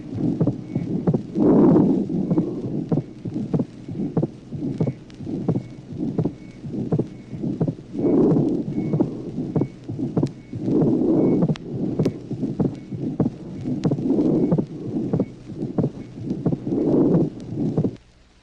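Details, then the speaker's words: Vintage 1966 teaching recording of heart auscultation, tracing 15: atrial septal defect with mid-systolic pulmonary ejection murmur and fixed, wide splitting of the second sound; regular heartbeat near 80 a minute. "Tracé numéro 15. Communication interauriculaire. Souffle mésosystolique d'éjection pulmonaire. Dédoublement fixe et espacé du deuxième bruit."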